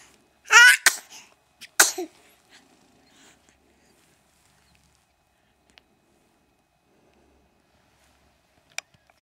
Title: Sneezing on the Ottoman